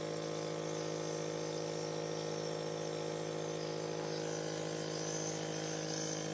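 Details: Nebulizer compressor running during a young boy's nebulizer treatment: continuous droning hum with a fast, steady vibration.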